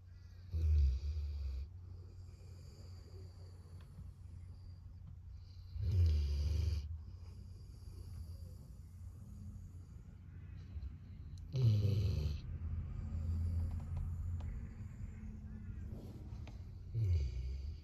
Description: We're starting another week of WFH (work from home), and our adorable golden retriever Rye is content to sleep at our feet under the desk. Can you hear him snoring???.